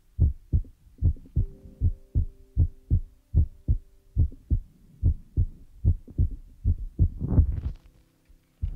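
Steady low thumps at about 75 a minute with a faint hum underneath, ending in rustling: a heartbeat.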